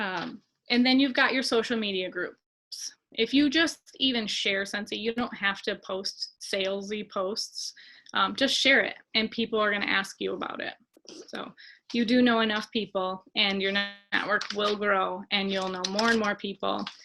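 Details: Adult woman speaking; ordinary speech.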